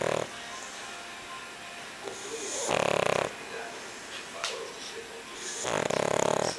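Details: A sleeping pug, a flat-faced dog breed, snoring: loud, rough, drawn-out snorting breaths every few seconds, with quieter noisy breathing between them.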